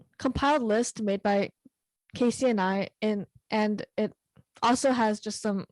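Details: Teenager who stutters: stuttering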